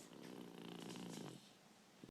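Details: Snoring: a single rough, vibrating inhaled breath followed by a quieter exhale; snoring.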